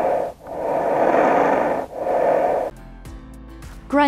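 Two coarse, rough breath sounds through a stethoscope, typical of the crackly lung sounds of severe COVID-19 pneumonia.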